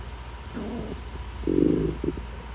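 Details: Stomach growling before dinner: low gurgling abdominal rumbles of hunger, ordinary bowel sounds (borborygmi).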